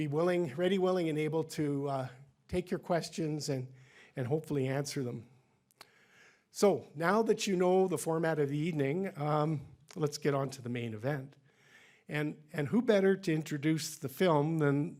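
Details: Adult male speaker; normal speech.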